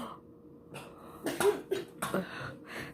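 A run of about four sharp, forceful coughs with throat clearing: an irritant cough from inhaled powder.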